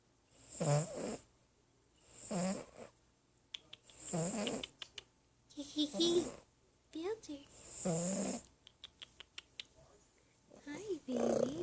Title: My snoring kitty